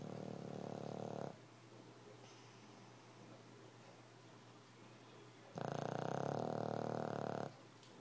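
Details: A sleeping dog gives two long, rough, rattling breaths separated by a quiet pause; a sample of snoring the owners hear all night long; snoring.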